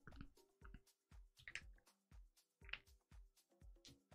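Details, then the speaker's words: An adult deliberately cracks finger joints one after another, giving a series of sharp pops and cracks. "Oh, I'm I should give a warning of joint cracking ASMR is about to start. If you don't want to hear that, wait till you see my hands go down."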